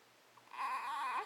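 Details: A short, thin wailing cry rising from quiet room noise, from an infant with loud hiccups on a bed with his father; parent thinks he is straining, maybe pooping; infant crying.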